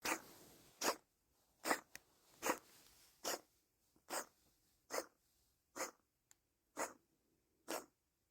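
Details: About ten short, harsh, forceful bursts in a steady series, roughly 70 a minute, with quiet gaps between: a cat's repeated cough; the vet said not to worry, but the owner feels it is not normal.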